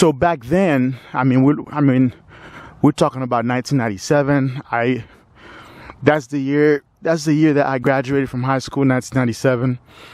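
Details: Stuttering in a 45-year-old man who has stuttered since his teens.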